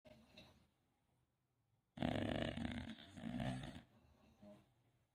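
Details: English bulldog snoring: a loud, harsh, gurgling snore lasting about two seconds, with softer snorting breaths before and after.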